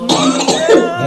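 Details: Single harsh, loud throat-clearing cough from a woman with a cough lasting over five years, with breathlessness when coughing persists, recorded during a ruqyah session.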